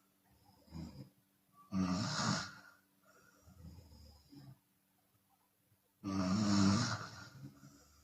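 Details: Loud, rough open-mouth snoring in repeated bursts with occasional breathy exhalations between them, from a Chinese woman; faint steady background hum. Snoring.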